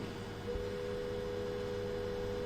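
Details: Topical phacoemulsification for a posterior polar cataract: steady high-pitched electronic running tone of the phaco machine over low room hum.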